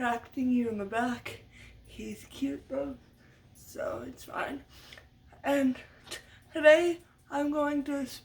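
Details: Adult woman with lifelong stuttering from muscle tightness due to cerebral palsy after brain damage as a baby; had speech therapy from a young age through high school and uses techniques to minimize it; stuttering.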